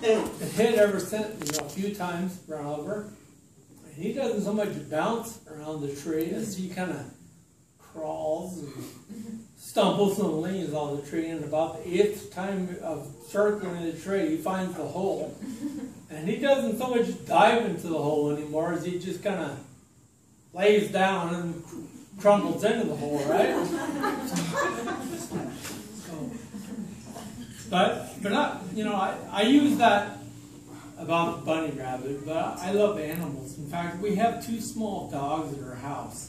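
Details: Adult man with slowly evolving ataxia, diagnosed in 2003, affecting speech, writing and balance; ataxic dysarthria.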